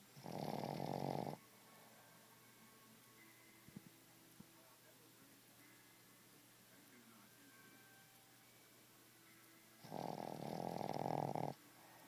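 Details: Small 10 lb Boston Terrier snoring loudly: two loud rasping snores about nine seconds apart, with quiet room noise between breaths; ordinary snoring.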